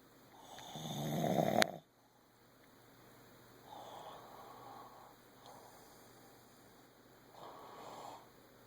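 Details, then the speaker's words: Person snoring in a prank, suspected of faking it: one loud, harsh rattling snore, then softer snoring breaths over a steady room hum. "That was a good one. I know you were faking those freaking snoring."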